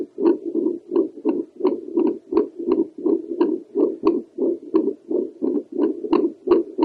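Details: Doppler heart sounds from an adult woman over the pulmonary valve, possibly with the mitral valve heard behind: whooshing, pulsing heartbeat about 87 a minute with a fainter second valve sound.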